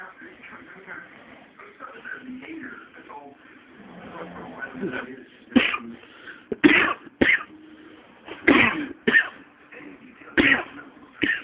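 About seven short, sharp coughs and throat clears, with quiet speech between them.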